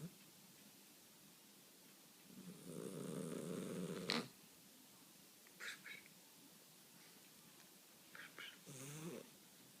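A long, rattling snore on the in-breath, followed by shorter snuffling breath sounds in a quiet room; snoring during sleep.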